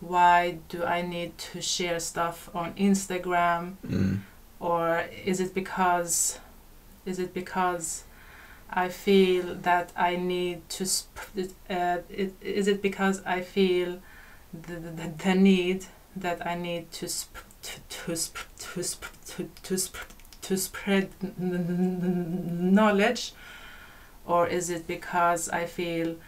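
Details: Adult female podcast guest who stutters, noted to be stuttering much more than usual in this conversation; repetitions of words and part-words; stuttering.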